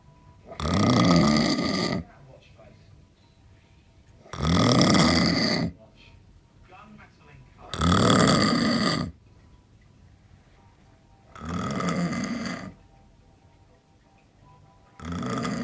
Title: SNORING,after 8 pints stella,sounds like farm animal